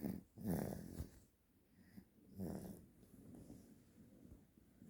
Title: Cute Baby Snoring Loudly | 귀여운 아기 크게 코고는 소리